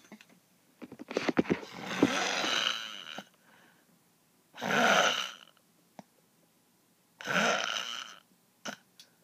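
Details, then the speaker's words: Very loud snoring from a sleeping person: rough, rattling snores on each breath in, about three in nine seconds, with quiet pauses between; heavy snoring. "my gosh guy you're so loud good night"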